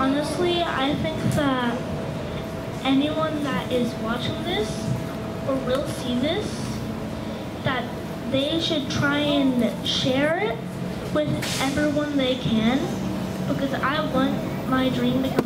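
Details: Stuttering in a child attending a stuttering camp in 2024, speaking to a crowd.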